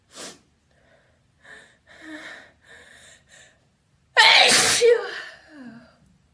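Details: Deliberate, vocalized, wet open sneezes: several soft in-breaths build to one loud, voiced, wet sneeze, then a brief gasp.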